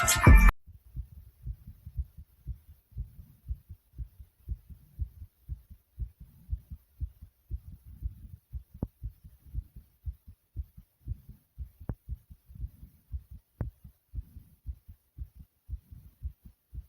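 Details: Pounding heartbeat with heavy breathing after doing jumping jacks: fast, strong, regular heartbeat thumps, an exercise-induced rise in heart rate.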